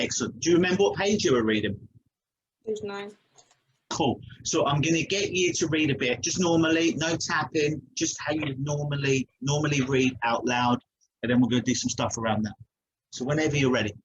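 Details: Adult man; fluent speech.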